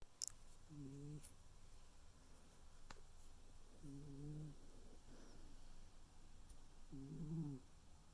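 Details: Tuxedo cat named Noodle sleeping: three soft, low, buzzy breaths about three seconds apart, roughly 20 a minute, in a quiet room, a cat's gentle snore.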